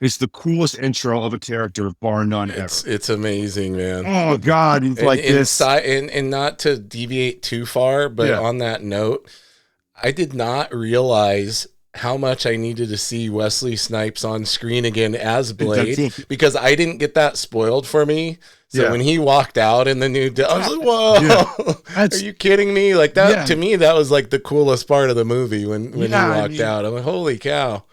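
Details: Adult male speaker; normal speech.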